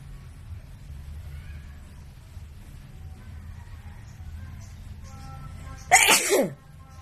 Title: WIDE NOSE SNEEZES Philippines.